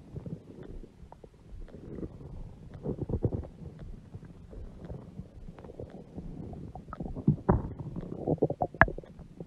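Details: A huge belly with stomach growling (borborygmi): low, irregular gurgling and rumbling with occasional louder squelches.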